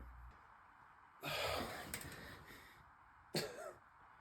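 Two harsh, noisy bursts of throat clearing, one long and one brief, in a quiet room; acted for a comedy skit.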